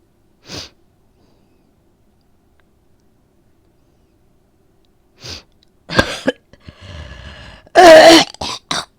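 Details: Woman with a cold that began with a sore throat, now coughing up a lot of phlegm: several harsh, rattly, phlegmy coughs with throat clearing; productive cough.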